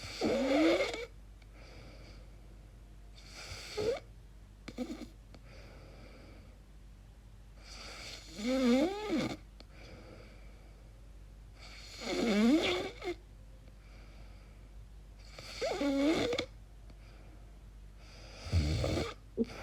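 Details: Person recording their own sleep noises, wondering whether it is snoring or sleep apnea: loud snores rising and falling in pitch, about 16 a minute, with quiet gaps between; snoring.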